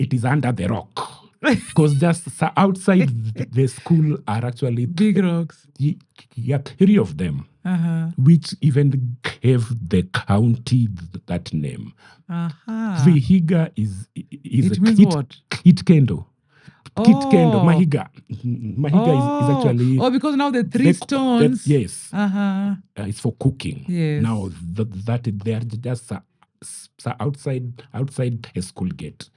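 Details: Adult man with stammering he describes as genetic, picked up from his mother, sometimes acute and sometimes barely noticeable; stammering.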